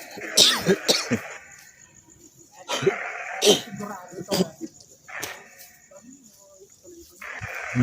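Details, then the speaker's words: Repeated harsh coughing bursts with throat clearing and quiet gaps; the speaker then apologizes, saying they really have a cough. "basama, pasensya na kayo. Talagang inuubo ko eh."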